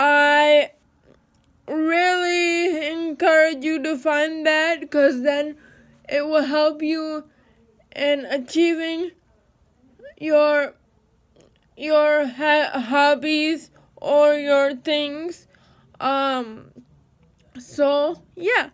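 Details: Dysarthric speech in a woman with cerebral palsy.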